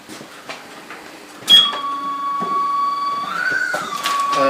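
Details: Low-cost prototype mechanical ventilator built from plywood, a car wiper motor, a PC power supply and a motor controller, compressing a calibrated Ambu bag into a test lung set to 600 mL tidal volume; it clicks on, then runs with a motor whine and mechanical knocks.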